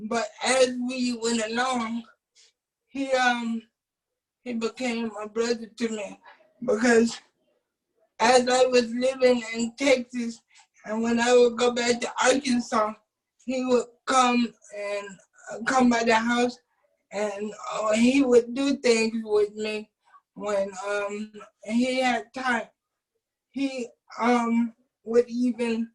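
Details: Adult man with cerebral palsy who uses a wheelchair; at birth doctors told his family he would never be able to speak; dysarthric speech in cerebral palsy.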